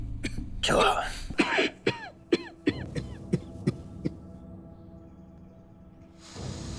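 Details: Acted adult male coughing in a film scene: a rough fit of about eight harsh coughs over soft film music.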